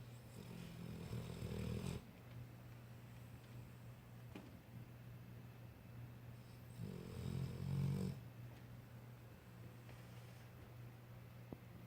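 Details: 1-year-old dog asleep in a quiet room, snoring: two low, rumbling snores about six seconds apart, each lasting over a second.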